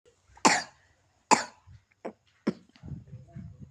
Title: maaf suara ku serek aku lagi sakit/batuk😭🙏